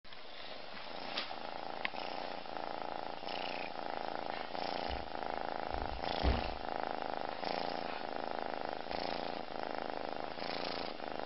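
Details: Very tired kitten snoring while asleep with her head in the food bowl, having fallen asleep while eating.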